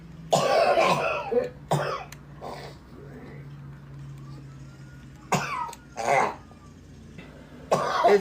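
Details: Several loud coughs and throat clearings in irregular bursts with a faint background hum; a person coughing amid laughter and talking.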